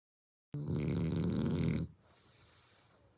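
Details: Sleeping French Bulldog, brindle, snoring as loudly as an old man; a single loud, low, rattling snore from a flat-faced dog, then quiet room noise; snoring.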